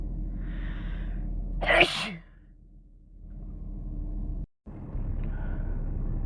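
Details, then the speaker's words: Sneeze while sick, from a compilation where many sneezes are induced: one forceful sneeze over steady low background rumble. "I can already feel it. Shit. I'm not ready. I'm not ready. Not ready."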